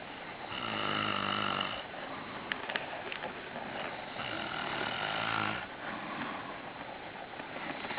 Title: chrapanie, snoring